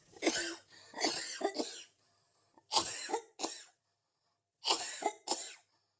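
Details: Three bouts of harsh, fairly wet coughing, about eight coughs total, with short pauses; ordinary cough amid laughter.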